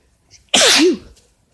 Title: Bf sneezes allergies or cold? (M)